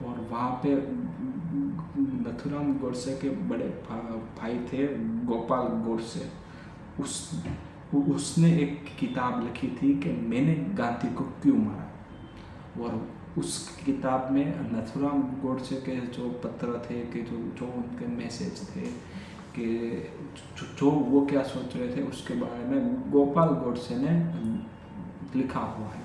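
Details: Adult male who has stammered since childhood, doing daily stammering practice (breathing, tongue twisters), speaking spontaneously in Hindi with repetitions of words and phrases; stuttering.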